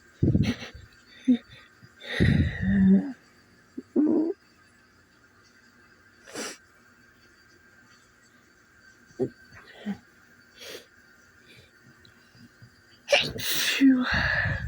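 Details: Sneezing on waking in the morning: several sneezes with sniffing and breathy sighs in between, the last a loud full sneeze; repeated sneezing in a quiet room.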